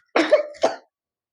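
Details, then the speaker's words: Young girl with cold, runny nose, sore throat, fever for 3-4 days, irritable with red eyes and congested chest, gives two quick, harsh, slightly wet coughs. "इसके parents जो है complaint कर रहे हैं कि इसको गला खराब है, खांसी, देखो ये खांसी भी कर रही है साथ में, ठीक"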